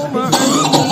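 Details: Two short, harsh cough bursts from an adult woman with a cough lasting over five years and occasional chest tightness, recorded during a ruqyah session with background music; chronic cough.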